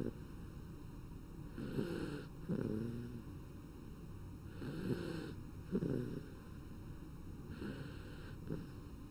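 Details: Bat snoring while asleep: quiet rattling snores, about three in nine seconds, over a steady low hum.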